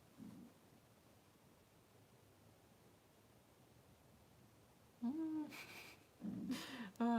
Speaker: you can hear my stomach rumbling there too